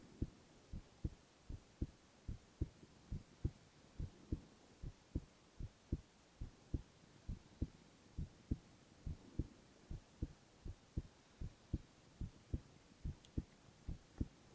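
Steady, soft thumping heartbeat at about 72 beats a minute, regular rhythm. Normal heart sounds.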